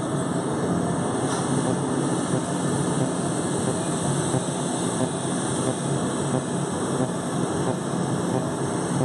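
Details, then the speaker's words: Loud steady rushing roar of a Zimmer cold-air chiller blowing on a woman's legs throughout laser hair removal on coarse thick hair; patient reports pain 0 of 10. "The Zimmer chiller will blast cold air on her skin the entire time. So it makes it a lot more comfortable for you."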